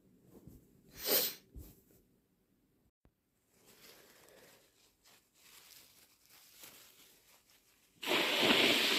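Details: A sick adult in the morning gives a sharp cough and a smaller follow-up cough, then noisy breathing and a forceful nose blow. Cough.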